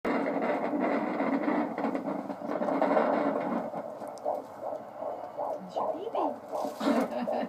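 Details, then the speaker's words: Fetal Doppler at 16 weeks of pregnancy: a fast, whooshing heartbeat, regular and even with perfect rhythm, probably about 150–160 bpm, with static bursts from fetal kicks and movement. A normal fetal heartbeat. "The baby's heartbeat's nice and regular and even. It's perfect rhythm."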